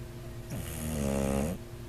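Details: Bulldog, snoring possibly a sign of sleep apnea; one loud, low, droning snorting breath over steady background hum: snoring.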